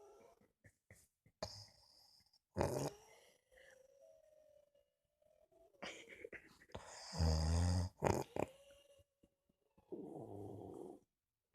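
Irregular rattling, fluttering snores with quiet whistling breaths between them in a quiet room; snoring.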